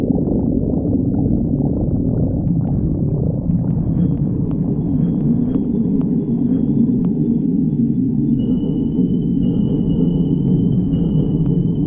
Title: Sticks the badger stomach growling 32